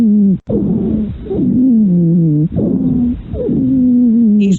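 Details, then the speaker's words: Lung auscultation teaching recording: continuous musical, whistling tones through repeated breaths, mainly expiratory, wheezes from small-calibre airway obstruction, with an added transmitted sound also present. "el que es sibilancia propiamente dicha es ésta no divinas aquí se produce básicamente durante el período espiratorio y se debe una obstrucción de la vía respiratoria de pequeño calibre"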